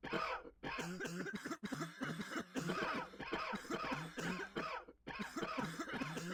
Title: *cough *cough